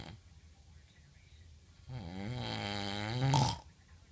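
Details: Person snoring: one drawn-out, buzzing snore on an in-breath, ending in a louder rasp, against faint room noise.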